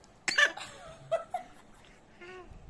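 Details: Two-and-a-half-month-old infant girl, not sick, making a brief, light deliberate fake cough, apparently for attention, newly learned that day.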